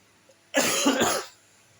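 A single brief bout of two quick, rough coughs from an adult, in a quiet room.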